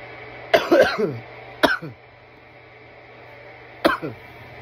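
Three harsh, dry cough bursts, the first a double cough, an irritant cough after smoking.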